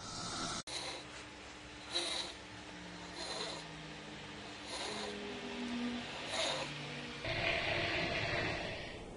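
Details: Snoring from a grandmother during sleep.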